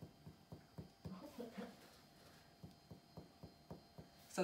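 A series of about ten short, hollow finger taps on the back, with a brief murmur of voice midway: normal resonant chest percussion.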